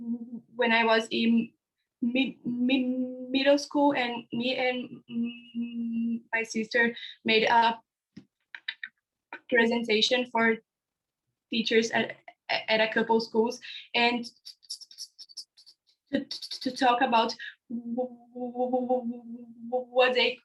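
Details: Real stuttering in a 16-year-old girl from Brazil, speaking about her own stuttering on a panel of young people who stutter.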